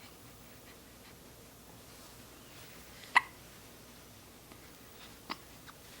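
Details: Infant hiccups: two or three short, sharp, clicking gulps spaced a couple of seconds apart in a quiet room. The baby gets hiccups often.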